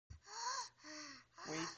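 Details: Child wheezing: noisy breaths carrying clear musical whistling tones, typical of narrowed airways.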